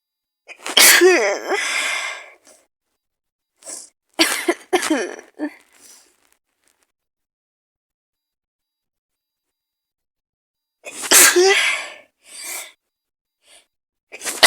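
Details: Simulated role-play scenario of a person with an awful cold, possibly flu, with fever and congestion. A run of sharp explosive sneezes, some preceded by a quick indrawn breath, in two bouts separated by silence; repeated sneezing alongside coughing and nose-blowing.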